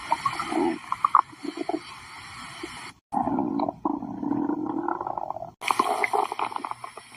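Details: Stomach growling (borborygmi): drawn-out gurgling and groaning rumbles with brief pauses between them.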